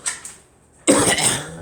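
Two short faint coughs, a pause, then a louder harsh rough burst in a small room.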